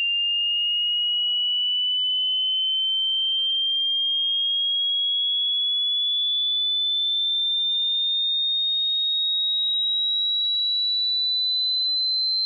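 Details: Simulated tinnitus pitch-matching frequency sweep: a steady pure whistle-like tone slowly rising in pitch, part of a 100 Hz to 16,000 Hz sweep for matching tonal tinnitus, meant for headphones.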